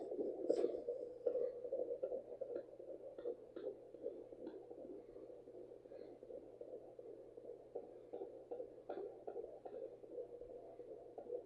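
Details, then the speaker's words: Rapid rhythmic whooshing pulses about 150–160 a minute on home fetal Doppler placed low on abdomen at 15 weeks' pregnancy, woman over 35 with high BMI; fetal heartbeat, faster than her own. "I'm going say that's the baby. And if you like to test it against your own heartbeat, you can put it up here."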